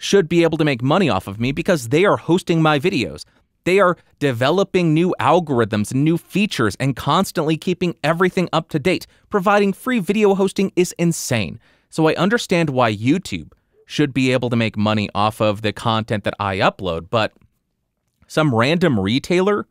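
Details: Adult male speaker; typical speech.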